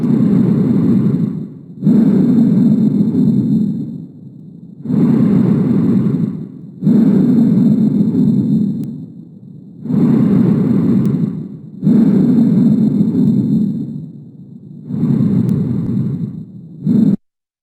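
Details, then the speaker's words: Lung auscultation lesson: loud, harsh, blowing breath sounds with expiration as long as inspiration, about 14 breaths/min, over the sternum; bronchial breath sounds. "Aquí Cuál es el detalle de la respiración Bronco vesicular notaste de que el volumen descendió un poco el volumen está con una intensidad y tono intermedio"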